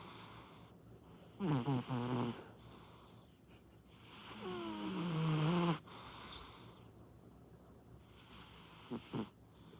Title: Cat snoring